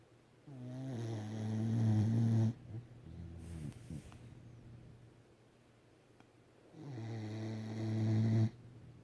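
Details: A sleeping pet gives two long, deep, buzzing snores about 6 seconds apart, with softer breathing between them; snoring.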